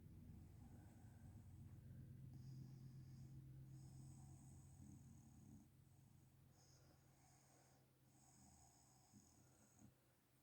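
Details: Mother snoring: a low, rumbling, rattling snore stretched over several seconds, fading into softer snuffling breaths; huge snore.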